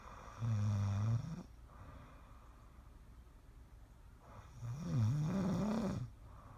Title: Snoring with Stray Cat 3/14/16